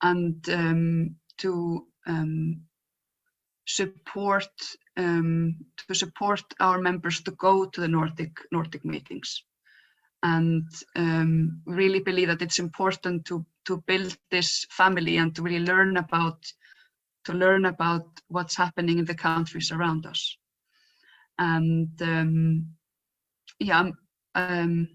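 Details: Real stuttering in a woman who identifies herself as a person who stutters and was photographed in her stuttering block; stuttering.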